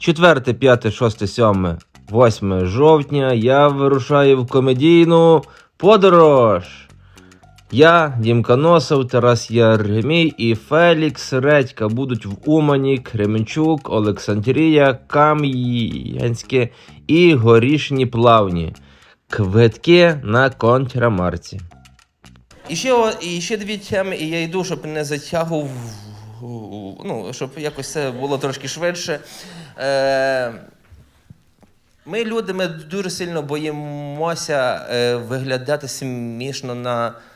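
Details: Adult male stand-up comedian who says he stutters, performing live; genuine self-reported stuttering.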